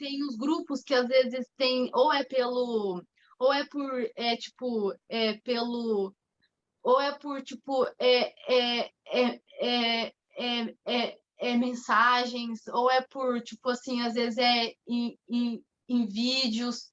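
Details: Stuttering in an adult woman who stutters, an entrepreneur speaking Portuguese.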